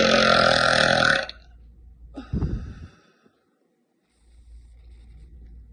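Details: Female belching: a long, loud, voiced belch followed by a shorter, lower rumbling one; burping.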